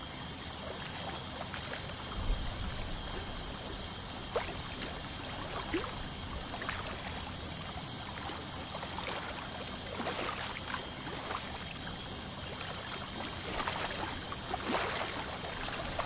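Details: Dental scaling to remove tartar from a 29-year-old male's teeth: a steady hiss of water spray with faint scraping clicks from the scaling tool.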